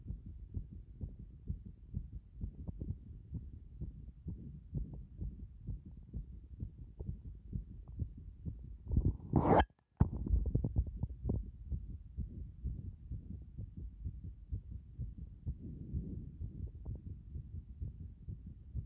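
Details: Heart sounds heard through a stethoscope at various chest positions: dull, regular heartbeats with a brief rubbing noise midway; ordinary heart sounds.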